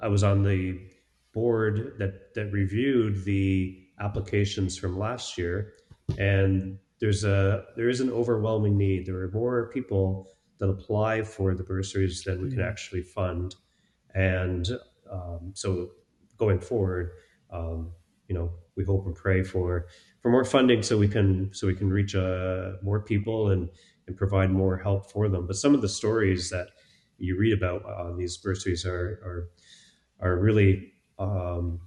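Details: Two men who stutter in a podcast interview, one of them a speech-language pathologist; word repetitions are heard; stuttering.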